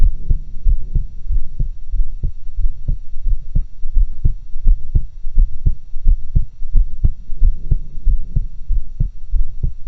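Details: Own normal adult heart sounds recorded with two stethoscopes in a near-stereo setup: regular paired heart sounds at roughly 85 beats a minute.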